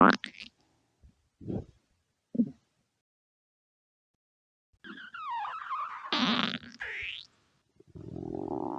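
Short gurgles followed by longer squeaky, pitch-sliding rumbles and a low drone: stomach growling, a normal gut sound.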